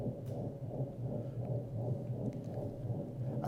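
A steady, low, rumbling roar runs without a break, swelling slightly with each rapid heartbeat: a continuous machinery murmur of patent ductus arteriosus in a dog.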